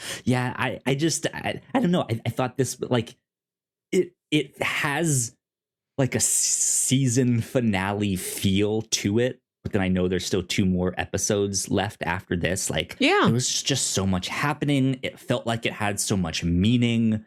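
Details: Adult male podcast host with a self-reported speech impediment, stuttering.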